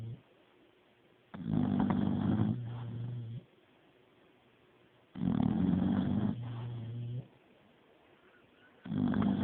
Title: I don't snore